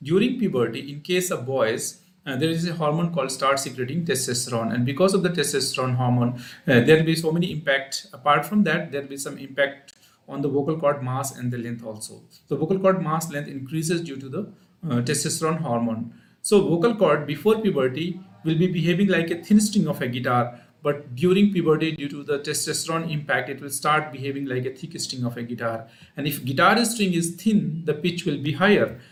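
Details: Adult male speaker; normal speech.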